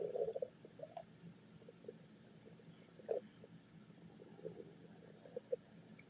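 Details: Gurgling, bubbly rumbles with short squeaky pops over a low steady hum, from a person who says they are very hungry: stomach growling (borborygmi).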